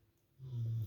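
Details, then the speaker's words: After a brief quiet moment, a sleeping dog gives one low, rumbling snore lasting about half a second, heard over a person talking. "So cute. Can you hear my dog snore?"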